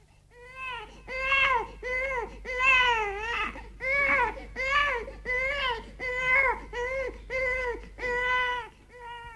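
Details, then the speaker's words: Baby cry given as an example of a pain cry: loud, high-pitched, tense wails in short repeated bursts ending in a sharp rising shriek. "there's pain and the last one is tiredness"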